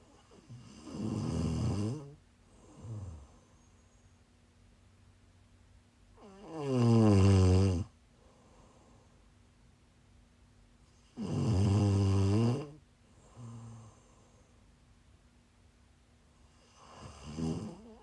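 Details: Loud, deep, rattling inspiratory snores at about 12 per minute, each followed by a softer exhalation; snoring from a person who is sick, recorded during a live stream.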